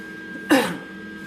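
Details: Cough from an adult with a chronic cough due to respiratory issues.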